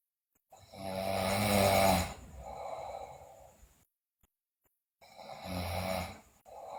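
Loud, harsh snores on the in-breath, each followed by a softer out-breath, with two breath cycles heard. Heavy snoring during sleep.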